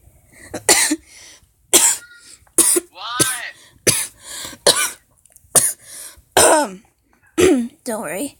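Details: Repeated harsh coughs, some followed by a strained breath in, from a sick child during a coughing fit while playing Roblox online with friends; coughing fit.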